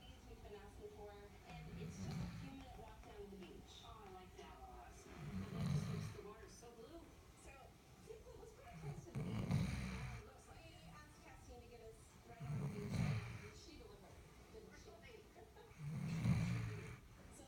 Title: Adorable Labrador Retriever Puppy Snoring !!